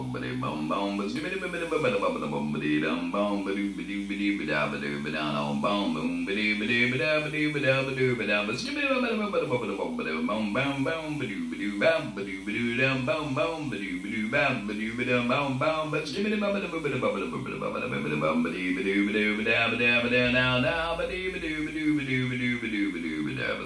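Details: Electrolarynx voice from a man attempting scat singing with the electrolarynx.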